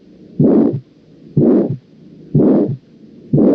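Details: Aortic stenosis murmur.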